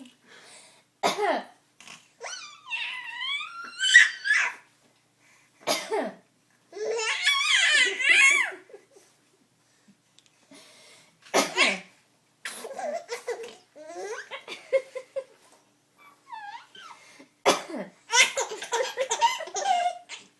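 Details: Several sharp coughs from a mother, each followed by her baby's bursts of high-pitched laughter.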